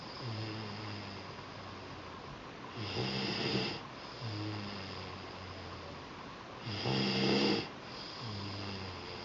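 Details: Child two weeks after a second supraglottoplasty: low, rattling snore about 15 times a minute with louder rough bursts on some breaths; the usual high-pitched stridor replaced by deeper snoring.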